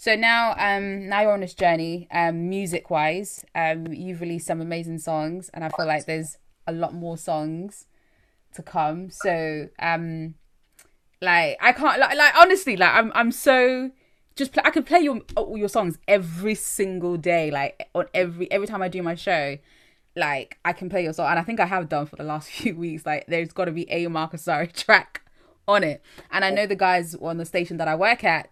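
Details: Adult woman; typical speech.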